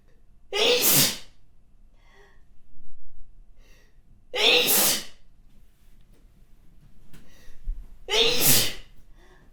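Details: Three forceful, wet-sounding spray sneezes from a model, each preceded by a quick breath in, spaced about four seconds apart.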